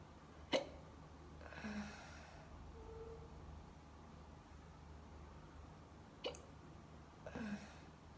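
Quiet room with two sudden sharp gulping clicks, each followed by a soft breath out, fitting hiccups.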